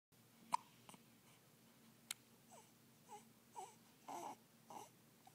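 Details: Infant with recurrent hiccups: a few sharp hiccup catches followed by soft fussing whimpers in a quiet room.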